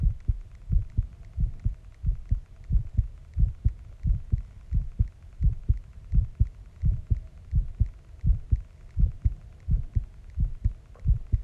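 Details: Normal heartbeat recorded after a shower: steady, regular low thumps at about 86 beats a minute.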